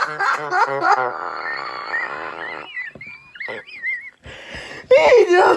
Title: How Bad my Wheezing Is 💀